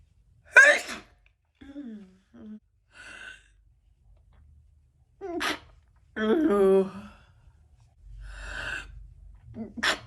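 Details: Adult woman sneezing forcefully several times, each sneeze preceded by a quick indrawn breath, with short voiced sighs between; ordinary sneezing.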